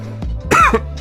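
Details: Cough.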